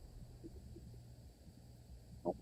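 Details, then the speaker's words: Simulated patient in a VR nursing simulation, blood pressure 151/92: abdominal auscultation with soft low rumbling, a few faint gurgles and one louder gurgle, judged normal bowel sounds rather than crackles. "did I hear some crackles that's are bowel bowel sounds oh you're on a okay that sounds pretty normal"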